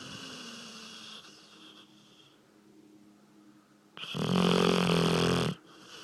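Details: Dog snoring heavily: a quiet rumbling snore, then a loud, rough, buzzing snore lasting over a second; snoring.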